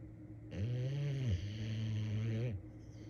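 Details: Sleeping Boxer dog: one long, low, steady buzzing snore on a breath of about two seconds; snoring.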